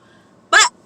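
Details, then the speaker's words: A single short, sharp, dry cough from an adult who says their throat is dry and they are dehydrated from not drinking water in 99-degree heat; dry cough. "my throat is dry i'm trying to give me some water it's [ __ ] 99 degrees outside my body is dehydrated oh my god it was a little [ __ ] cough"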